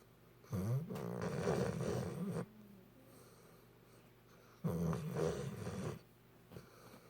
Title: Hazel st bernard snoring